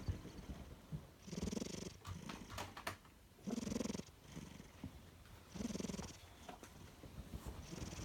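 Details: Cat snoring while napping: soft, rhythmic, purr-like rumbling breaths, roughly three cycles in eight seconds.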